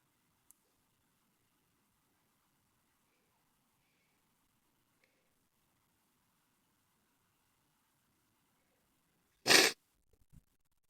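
Near-silence followed by one loud, abrupt sneeze burst, then a few faint sniffing or nose sounds.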